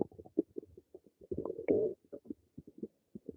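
Quick gurgles and bubbling pops with a brief longer rumble, typical bowel sounds from gas and fluid moving through the gut.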